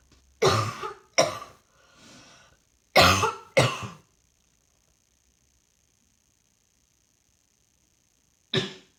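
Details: Coughing while trying to work, feeling rather hot: about five dry, harsh coughs in two short runs with a faint throat sound between, then silence and one more cough.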